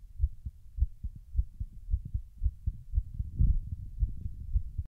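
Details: Regular paired low heart thumps at the apex (mitral area), about 105–110 beats per minute: heart sounds.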